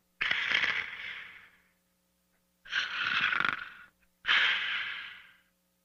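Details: Dog sleeping and snoring: three long, rough, hissing breaths with pauses between them, the noisy breathing of a dog snoring in its sleep.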